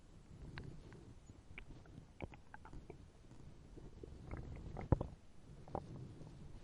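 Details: Hungry stomach growling (borborygmi) from a sound-effect recording: low, irregular gurgling rumbles with scattered bubbling pops and squelches.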